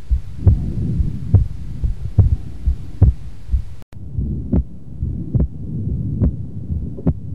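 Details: Wide split S2 in a comparison of second heart sound splits: heartbeat near 70 a minute with a doubled second sound whose two parts are clearly separated.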